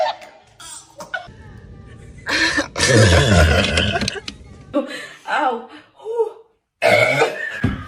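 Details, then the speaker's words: Sprite burp challenge, with several people laughing and music in the background: one long, low, rough belch stands out among shorter throaty sounds; the person then says it hurts. "Do you feel like you're going to burp?"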